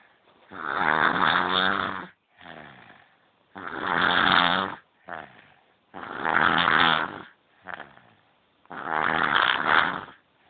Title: snoring baby - Horlayan bebek